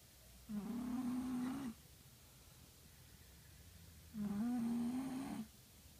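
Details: Sleeper snoring loudly, likened to a freight train: two long, steady, buzzing snores on the in-breath, each about a second long, separated by quiet out-breaths; regular snoring.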